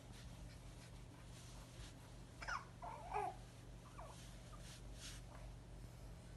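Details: A 6-week-old baby in a quiet room making a few brief, soft catching sounds: infant hiccups.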